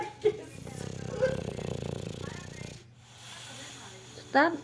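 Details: English Bulldog snoring, continuing even after waking: rough, fluttering breathing noise for about two seconds, then a quieter breath and a brief squeak; snoring.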